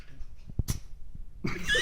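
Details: Cat sneezing: one quick, sharp sneeze followed by brief rustling in a quiet room.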